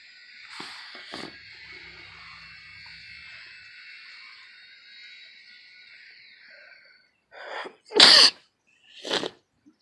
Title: Outside sneeze